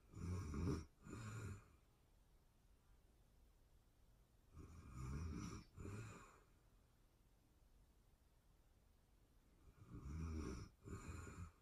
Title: ASMR sleeping beauty snoring sounds real time sleeping anxiety relief